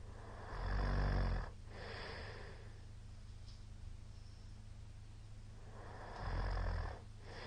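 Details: Middle-aged man's habitual snoring recorded 2022-03-21, short session: two loud, rumbling snores on inhalation about five seconds apart with quiet breathing between; heavy snoring.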